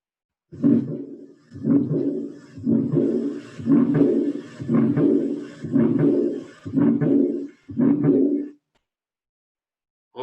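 Regular heartbeat near 59 a minute, each beat trailed by a long low blowing murmur after the second sound.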